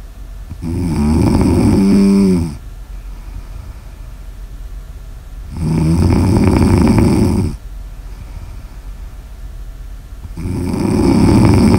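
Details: Slow, loud rasping snores on each in-breath, about 13 a minute, with quiet pauses between; ordinary snoring recorded for ASMR.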